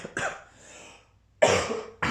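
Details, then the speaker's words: Adult woman who says she is ill, apologising for her voice and possible coughing; two short, harsh cough bursts separated by a brief pause in a small quiet room: cough. "Donc déjà, excuse-moi pour ma voix, si je tousse, si tu vois que la vidéo elle est coupée en plein milieu, c'est parce que certainement j'ai une grosse crème de tout car je suis malade."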